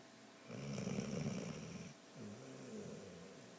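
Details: Sleeping dog snoring: rough, rattling flutter on the in-breath, then a softer whistly out-breath.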